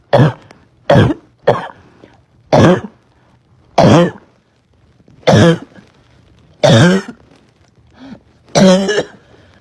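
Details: Girl with a persistent barking cough she couldn't stop: eight harsh, hoarse, barking coughs in irregular bursts, some with a rough throaty tail.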